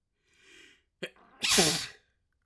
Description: A quick little fit I had while alone